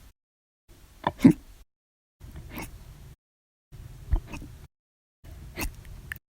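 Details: Hiccups after lunch, audio only: four sudden, sharp, clipped catches at irregular intervals, about 21 a minute, in a quiet room.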